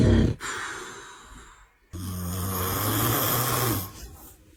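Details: Adult man (dad) snoring beside a baby: groaning, snoring and snorts, then throat clearing.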